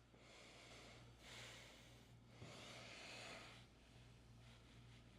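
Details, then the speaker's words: Nasal pillow CPAP mask at pressure 8 or 10, headgear tightened: quiet steady airflow with soft swells of breathing, well-diffused exhalation with almost no draft; no escaping air hiss. "but as I had said earlier, there's almost no no exhalation draft at all. It's really, really well diffused. So even running my finger across the front, you really can't hear any air escaping."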